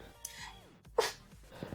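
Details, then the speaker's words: Acted, playful imitation of different sneeze types by a man who had a cough and cold: a short intake of breath, then a sharp sneeze burst with a brief squeaky tail. "The normal sneeze. The heavy sneeze, the quiet sneeze, the I am going to sneeze, the trail sneeze."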